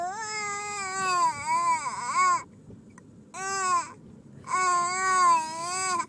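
Three bursts of high-pitched, strongly voiced infant crying separated by short pauses, with a wavering pitch; a typical infant cry.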